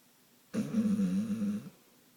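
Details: Snoring in a sleeping pit bull dog: a single low, buzzing snore lasting about a second in a quiet room.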